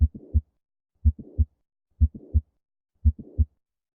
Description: Heart sounds are noises generated by beating heart and resultant flow of blood through it. Specifically, the sounds reflect the turbulence created when the heart valves snapshut.